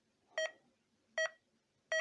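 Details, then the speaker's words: Patient monitor alarm on an ambulance monitor with pulse oximetry, ECG and blood pressure cuff, demonstrated on a healthy adult, alarming as leads are disconnected: short clear beeps about every 0.8 seconds. "you can shut the alarms up there are some alarms that start going off if I disconnect things"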